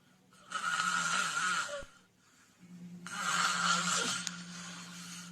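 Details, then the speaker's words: Heavy snoring presented by a hospital director as a dangerous sign that may go with choking or breathing pauses in sleep: two long, loud, harsh fluttering inspiratory snores, about 24 breaths a minute. "ده الصوت المخيف. ارجوكم السيده اللي زوجها جنبها بينام بالليل بهذا الصوت، او الزوج اللي زوجته بتنام بهذا الصوت، هذا الصوت خطير."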